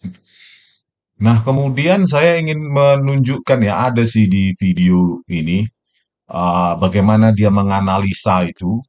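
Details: Adult male speaker; Normal speech.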